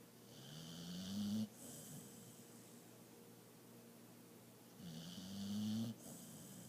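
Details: Lucy snoring while asleep, also running and eating in her sleep; two rising, rattling snores on the in-breath, each followed by a short breathy out-breath, in a quiet room.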